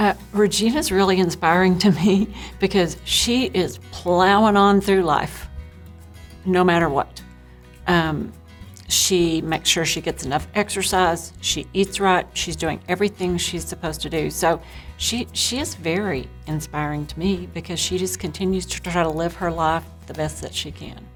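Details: Adult woman speaking; normal speech.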